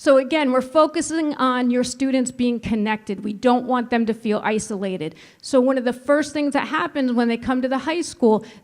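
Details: Adult woman speaking; normal voice.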